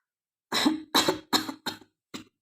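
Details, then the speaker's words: A woman with a hoarse, changed voice gives a bout of five short, dry, rasping coughs in quick succession, the last one weaker. "आज और एक video मैं ले आई वो है coughing video और खा सने का वीडियो"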